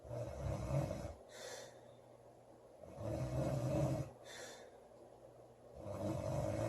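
Deep, rumbling snores on each breath in, with softer breaths out, about 20 breaths a minute: loud snoring during sleep.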